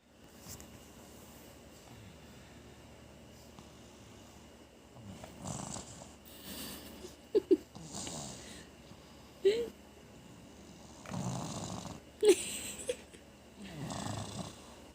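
Repeated rough, rattling breaths every couple of seconds with occasional squeaky whistles, in a quiet room; snoring.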